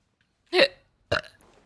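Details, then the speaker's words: Two short, guttural belches in quick succession from a woman during a livestream, the first louder and longer. She says she burps a lot. "oh my God excuse me oh excuse me excuse me that was a very wet one"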